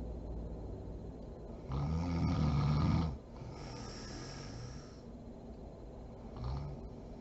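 One loud, low, fluttering snore lasting over a second, a softer breath, then a short faint snort over steady room hiss; snoring.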